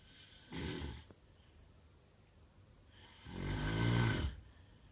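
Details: A man snoring heavily: two loud, rattling inhaled snores separated by a quiet pause; heavy snoring.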